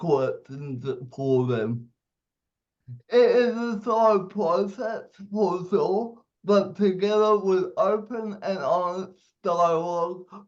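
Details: 27-year-old man with cerebral palsy giving a speech; dysarthria (cerebral palsy).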